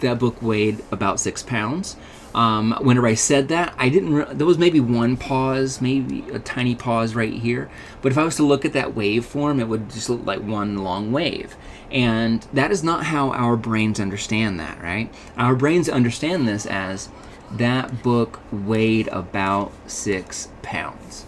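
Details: Adult man; Ordinary speech.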